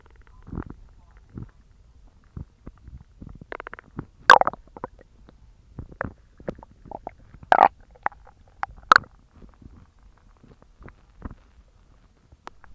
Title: Evening stomach growling sounds